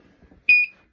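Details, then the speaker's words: Single short high-pitched electronic beep: LVAD controller power-disconnect alarm sounding while a heart-failure patient swaps batteries during routine care. "See my alarm, connect power. Power's connected, switch out the other old one, put it on charge."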